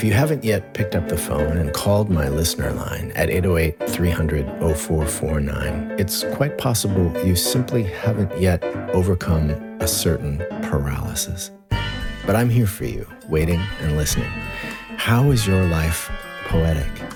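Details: Adult male speaker; normal speech.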